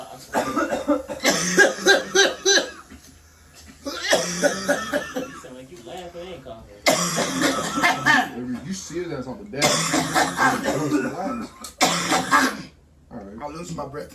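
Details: Adult coughing fit: repeated harsh cough bursts mixed with laughter and strained breathing; he reports he could not breathe or talk.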